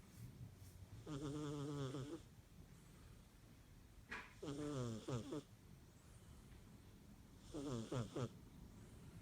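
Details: Sleeping cat: three long, rattling, buzzy breaths in about nine seconds; snoring.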